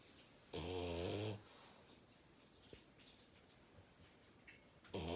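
A dog gives a loud, rumbling snore on a breath in, then quiet breathing, and another snore begins at the end.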